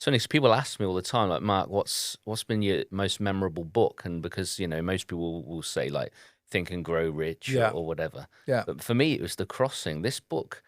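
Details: Adult man speaking; typical speech.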